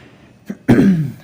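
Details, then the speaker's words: An adult man in a dusty industrial area, where many people cough and wear masks, gives a brief throat sound and then one voiced cough or throat-clearing burst. "Jadi banyak orang batuk di sini itu udah hal ah kayak biasa gitu ya. Jadi orang-orang pakai masker karena di sini adalah area industri ya teman-teman ya."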